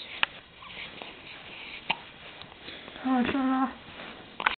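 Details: Three sharp, brief hiccup sounds with a short voiced sound between them, over room noise: hiccups, perhaps from too much air intake.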